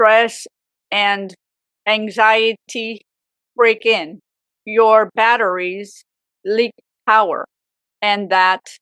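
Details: Woman with aphasia for 18 years after a severe stroke at age 44; aphasia.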